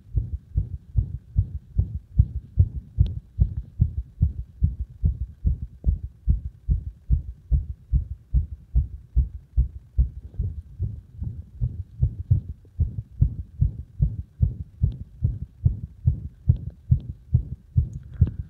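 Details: Irregular heart sounds caused by compression: fast, low heart thumps with uneven spacing between beats; arrhythmia.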